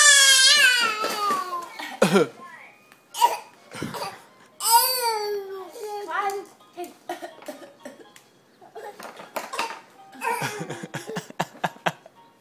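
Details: A boy about a week short of 8 months old fake-coughs on command: short, forced cough-like bursts between squeals and babble, a playful voluntary cough rather than illness.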